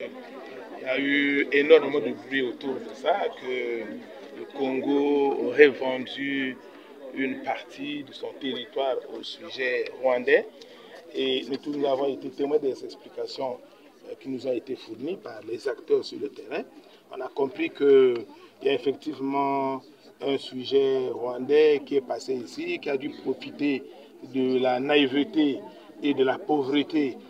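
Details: Adult male speaker, French; ordinary speech.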